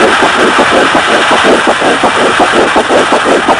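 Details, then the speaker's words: Fetal heartbeat at 6 weeks 5 days after conception, heard with a handheld ultrasonic Doppler stethoscope over the pregnant woman's lower abdomen: fast, regular whooshing pulses at about 165 per minute, a normal fetal heartbeat. "let's listen to the heartbeat of a baby 6 weeks and 5 days old"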